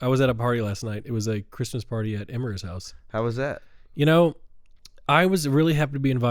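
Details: Adult man speaking conversationally; normal voice.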